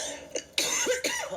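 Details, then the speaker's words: A girl coughing constantly while recording; about three short, harsh coughing bursts in quick succession in a small room; repeated cough. "I just keep coughing constantly and I don't want to have to keep doing that by the camera"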